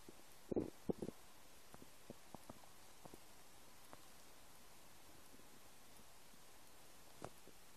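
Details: Empty stomach: faint, scattered gurgles and pops from the belly over a quiet hiss; ordinary stomach rumbling (borborygmi).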